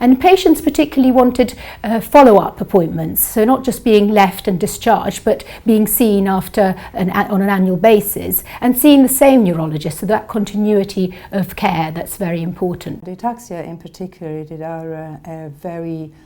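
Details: Adult woman speaking; ordinary speech.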